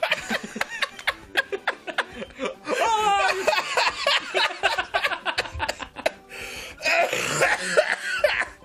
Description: Compilation of the times when cough for the lovelies!